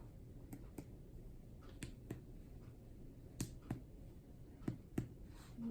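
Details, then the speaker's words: Percussion to find the liver margins during an abdominal exam with tympanic and dull sounds: sharp paired finger taps in a quiet room, showing a liver span of about 4 cm, normal, with no enlargement. "I'm also going to peras uh to find the liver margins so I'm going to"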